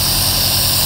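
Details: Loud, steady hissing motor drone of an NF-100 Accumed compressor nebulizer running with distilled water in the cup during an assembly and use demonstration.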